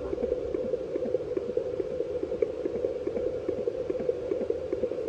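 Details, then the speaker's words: Home fetal Doppler at 24 weeks of pregnancy, baby boy: fast, rhythmic whooshing pulses over a steady hiss, roughly 145 a minute, with a reading of about 150. "Ayan Yan ang heartbeat ni kasi battery kaya Ganon pa din yung heartbeat niya"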